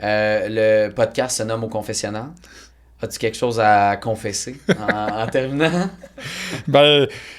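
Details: Adult man speaking French; normal speech.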